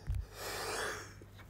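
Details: Adult with a badly blocked nose, possibly allergic to oil diffusers at the office, sneezing all day: a single short nasal snort followed by a breathy exhale; snorting.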